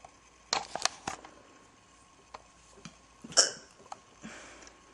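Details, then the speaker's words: Girl with a persistent bout of hiccups, recorded in an old video while waiting for them to stop: several soft, abrupt hiccup sounds, some in quick succession, with quiet pauses between them. "hiccups. Waiting for them to be over. Because I can't do anything else until they're over. It's annoying."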